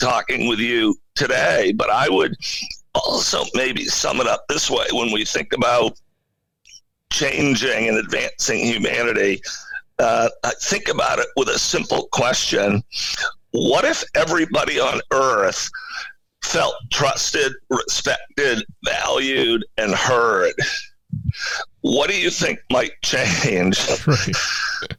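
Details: Adult man with spasmodic dysphonia, a rare neurological voice disorder affecting only speech, acquired in 2010 with sudden onset of difficulty using his voice; no known cause or cure.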